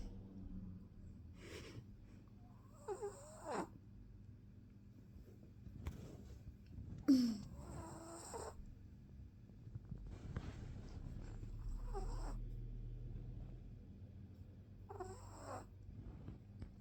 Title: Chihuahua puppy snoring